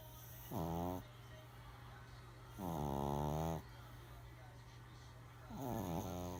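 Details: Three long, low, rattling voiced snores on inhalation, about 23 a minute, over steady room hum: snoring.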